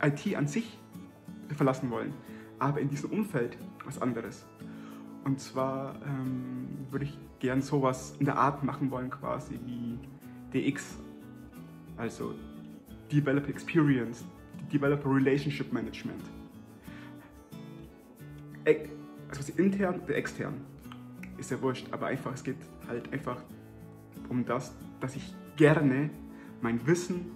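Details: Stuttering in an adult German-speaking man.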